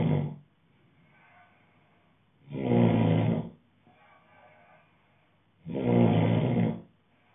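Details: Man snoring: loud, deep rumbling snores about one every three seconds, with softer breathing between them.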